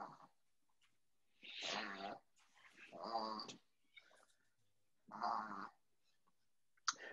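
Loud snorting, rattling breaths drawn in through the nose in separate bursts; a small flat-faced dog snoring and reverse sneezing.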